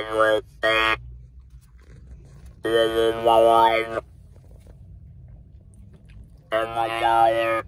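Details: Alaryngeal speech in an adult man after total laryngectomy for cancer, at a post-laryngectomy check-up; voicing method not stated.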